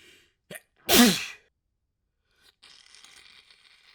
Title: Short Little Sneeze Fit